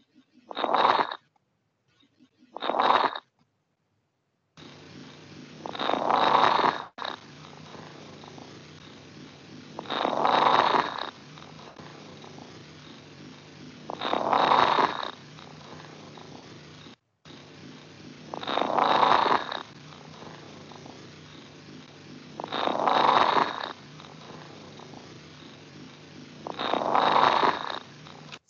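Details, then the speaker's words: Teaching recording played in an EMT respiratory emergencies lecture: rough, popping breath sounds recurring about 16 times a minute. Lung crackles. "did you hear that yes little difficult now here your crackles"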